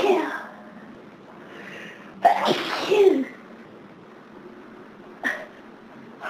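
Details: Sneezing on a severe hay fever day in summer: two loud sneezes close together, then a short sharp third burst against quiet room noise.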